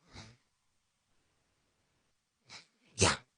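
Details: TikToker playing a game, labelled as having hiccups; three short, sharp bursts of air, the last loudest, consistent with small sneezes.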